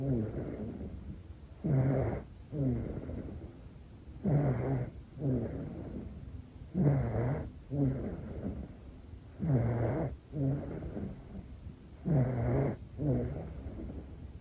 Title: ASMR Baby Deep Sleep - Snoring #asmr #cutebaby #sleep #babysleep